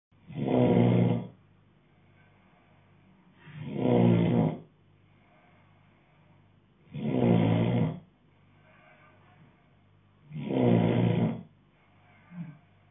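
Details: Adult male sleeping, loud rough snores on each breath in, four in about 13 seconds (~18 per minute), quiet pauses between; snoring.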